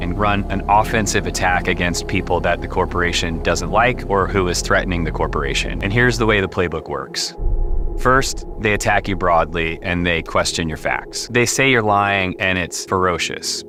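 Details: Adult man speaking; ordinary speech.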